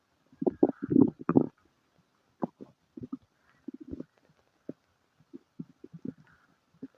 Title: Stomach noises, Diarrhea and farts :3